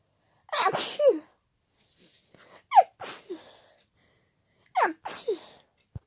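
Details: Sneezing during a head cold: three loud, forceful, wet, unstifled sneezes with breathy intakes between them.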